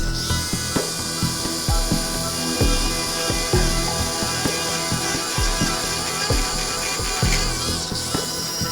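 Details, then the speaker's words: Female dachshund in spinal surgery for disc material compressing the spinal cord; high whining surgical bone drill with repeated short bursts and low thumps over background music, drilling vertebra piece by piece before scooping out disc. "there has to be really careful here because if she drills too far she could drill right into the spinal cord permanently paralyzing Frankie"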